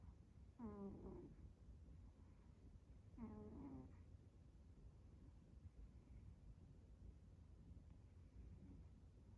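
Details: Pet cat napping: two slow, drawn-out nasal snores over a steady room hum; ordinary cat snoring during sleep.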